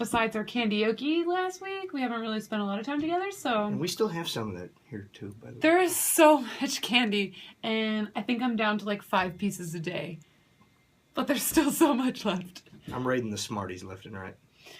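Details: Adult woman speaking; normal voice.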